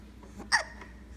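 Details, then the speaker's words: Infant hiccups, attributed to drinking too fast: a single sharp, brief hiccup against quiet room noise. "I like your little hiccups. You drink too fast."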